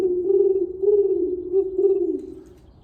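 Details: Autistic man imitating bird calls, letting it out because it feels good; echolalia (vocal imitation of bird calls).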